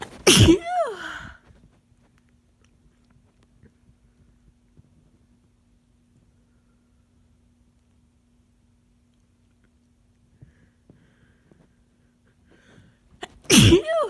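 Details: Person who is sick again, as are many people around them, amid changeable weather: two loud sneezes about thirteen seconds apart, quiet in between; sneezing with a cold.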